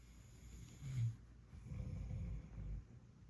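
Two low, rough snoring breaths, one short and one longer, in a quiet room.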